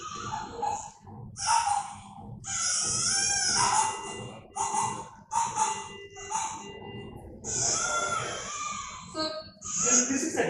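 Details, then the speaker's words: Child with DiGeorge syndrome (22q11.2 deletion): high-pitched strained noisy breathing with a weak, poorly voiced cry, stridor with no proper voice from a type 3 glottic web. "syndrome and there is stridor. And also, if you notice, there is no proper voice. So, that means there is something else. See that? The problem is the type three glottic web."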